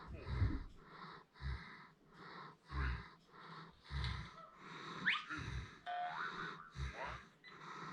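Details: Sleeping German Shepherd dog snoring: repeated low rumbling snores in a regular rhythm, about one every 1.3 seconds, with some whistling and snorting noises.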